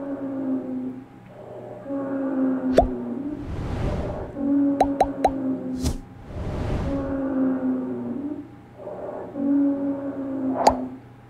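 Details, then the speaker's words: Wheezes on lung auscultation, mainly in asthma from narrowed airways: musical, whistling tones recurring with each breath cycle. "vai surgir principalmente em asma Tá eu vou ter esses meus alvos aqui mais fechadinhos produzindo esse som ok geralmente o pessoal fala que é um piado que ele escuta"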